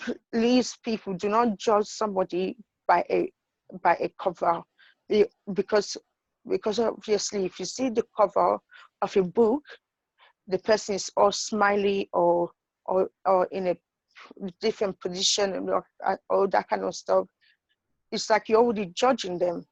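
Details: Adult woman with idiopathic intracranial hypertension and sight loss; her condition has changed the way she speaks, making even easy words hard to say; acquired stuttering.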